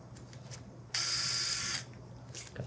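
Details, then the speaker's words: Surgical wire driver running: brief high-pitched whirring burst just under a second from a powered wire driver during transiliac transsacral pelvic fixation with a CurvaFix Low Profile implant, quiet operating room. "Can I get a wire driver? Please take these wires out as well."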